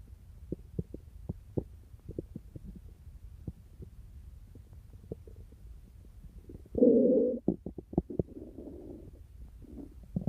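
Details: A boy's and a girl's growling stomachs: irregular soft clicks and pops with a louder gurgling rumble.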